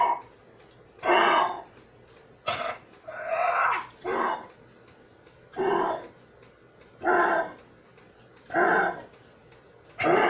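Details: A 13-year-old pitbull coughing; the twelfth recorded coughing episode.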